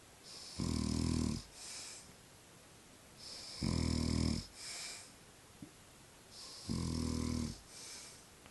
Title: snoring man